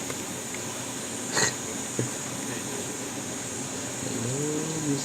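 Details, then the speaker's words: A single brief, sharp infant sneeze over steady background noise, followed by soft vocal sounds and "bless you"; an ordinary, harmless sneeze. "Face. Oh, bless you. Bless you."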